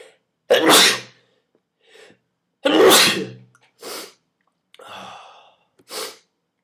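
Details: Two loud explosive sneezes with shorter sniffs and breaths between them, induced by tickling the nose with a twist tie.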